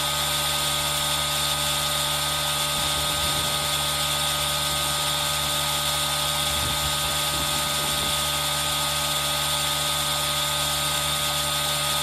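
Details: Aerosol nebulizer running, mixed with rain sound as a relaxing ASMR recording made on a Zoom H1n recorder: steady mechanical hiss and hum with a soft rain-like wash in the background.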